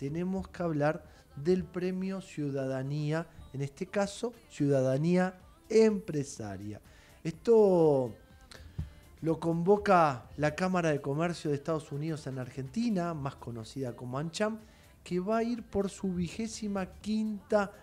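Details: Adult speaker; Normal voice.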